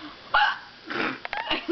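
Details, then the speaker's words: A person with ordinary hiccups: short, abrupt voiced catches breaking into their speech sounds. "hello so this is the hiccups"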